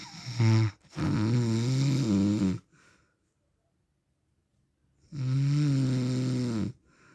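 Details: Real recording of an adult man's snoring during sleep, described as husband or dad; loud, low, buzzing snores on each breath in, separated by quiet pauses; habitual snoring.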